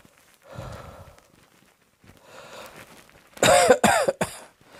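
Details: Two softer throaty sounds followed by a burst of three sharp, loud coughs.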